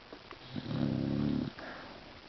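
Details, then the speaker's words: Sleeping Beagle snoring: a single rough, buzzing snore on the in-breath in a quiet room. "You snore too much, Bubby. You know that, right?"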